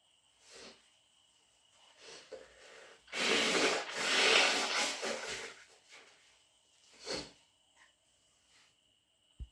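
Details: Cat with a cold making a series of snuffly nasal snorts and short sneeze-like bursts, with a longer noisy stretch in the middle; allergy sneezes, some possibly induced; snorting.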